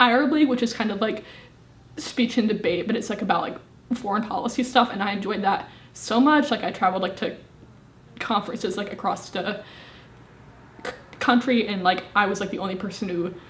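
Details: Woman, 25, with a severe stutter present since at least age 18; stuttering.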